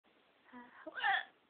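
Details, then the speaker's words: Person recovering from being hit by a car, with a fractured nose, cracked rib and stitches, icing the face: brief voiced sound broken by a sudden hiccup-like catch and gulp; hiccups. "now i have the hiccups ah i know that i look like a monster right now"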